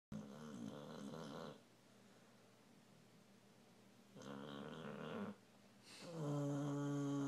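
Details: Sleeping, dreaming Rottweiler mix dog: slow, rattling breath sounds, each lasting over a second with quiet pauses between; snoring.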